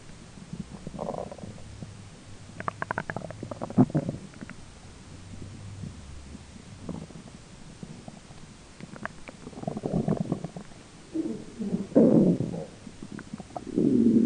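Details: Own belly grumbling during digestion, roommate talking in background: irregular low gurgles and rumbles with faint room noise; ordinary bowel sounds (borborygmi), normal finding.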